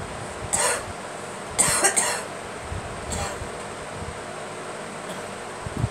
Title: Girl coughing